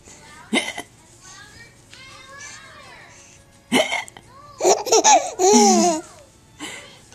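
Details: Laughing while having hiccups, recorded May 2012 on a Flip Video camera: sharp, abrupt voiced catches break up bursts of giggling; hiccups during laughter.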